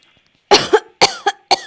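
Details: Three short, harsh coughs, each followed by a brief tail; an acted imitation of coughing by a woman playing an elderly grandmother with supposed tuberculosis during a phone prank on a scammer.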